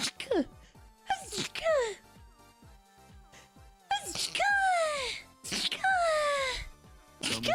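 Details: Sneezing compilation: several sharp, explosive sneezes in quick succession, some with a falling vocal cry, over background music.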